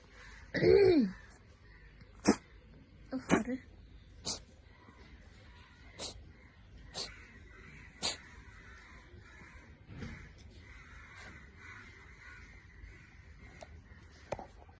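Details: Cat with a chronic cold coughs: a run of short, sharp coughs about a second apart after an opening vocal sound.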